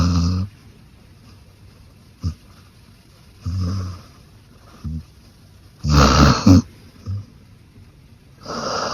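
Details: Loud, rattling snores in irregular bursts with short snorts between, from a female Beagle dog asleep in a quiet room: snoring.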